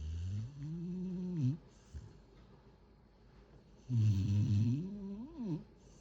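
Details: Sleeping cat snoring with low, buzzy breaths, briefly interrupted when something startles her, then snoring resumes.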